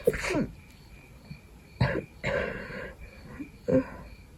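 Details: Sick person with a cold trying to fall asleep in the middle of the night: several wet, explosive sneezes with congested, snotty nasal sounds, nose blowing and slight coughing.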